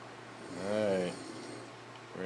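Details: A single droning, buzzing snore on one breath from a sleeping man on a fishing trip whose snoring keeps someone nearby awake. Snoring.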